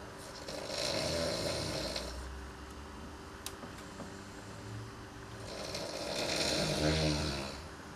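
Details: Sleeping housemate snoring at night: two long, loud, rasping, buzzing snores, roughly one every five to six seconds.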